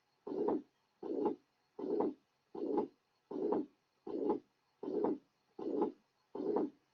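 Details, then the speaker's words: Teaching recording from a patient with mitral regurgitation: regular rasping, rather high-frequency pansystolic murmur of even intensity through systole, about 39 cycles a minute. "The next example will demonstrate the actual sounds from a patient with mitral regurgitation. In this example, note the rather high frequency of the murmur, a characteristic commonly encountered in this condition."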